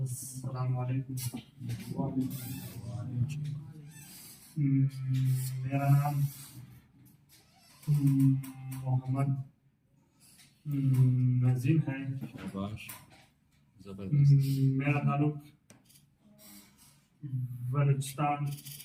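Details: Male stuttering-course participant, who had a considerable stammer on arrival, now speaking about 90% fluently using a fluency-shaping technique (slow, prolonged speech); stuttering managed with fluency-shaping technique.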